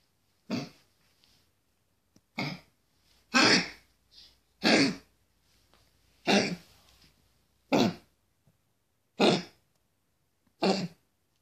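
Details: A dog gives repeated short, harsh, hacking coughs, found to have congestive heart failure; a cardiac cough.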